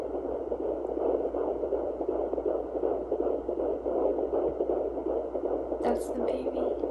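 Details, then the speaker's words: Fetal heartbeat heard through a home handheld baby Doppler placed on a pregnant woman's abdomen: rapid rhythmic whooshing pulses, about 160 per minute, in the normal range. "you would obviously put this on your stomach and it will magnify the sound of your baby's heartbeat so that you can listen to it"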